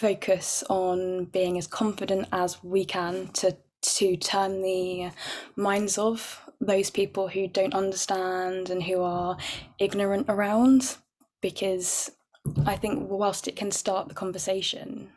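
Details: Panellist who stammers, with audible blocks and breaths nearby; stammering.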